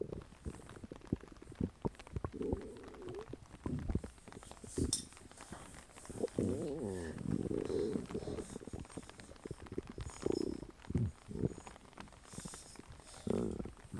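Low gurgling rumbles and bubbling squelches come and go from the belly; ordinary stomach growling from gas and fluid moving through the gut.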